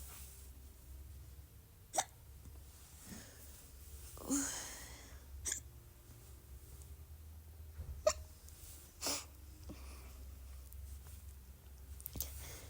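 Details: Sharp, abrupt hiccups recurring every few seconds over a quiet humming room, alongside croak sounds and small burps, in a person with retrograde cricopharyngeal dysfunction (R-CPD); hiccups.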